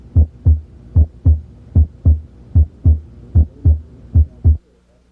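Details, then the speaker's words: Regular paired low lub-dub heart sounds at about 75 beats a minute from an auscultation teaching example: S1 with mitral closure, S2 with aortic closure, systole between S1 and S2, and a longer diastole; normal S1 and S2. "ventricular syy occurs between S1 and S2 ventricular diast occurs between S2 and the next S1 because diast usually lasts longer than syy you can identify the two sounds"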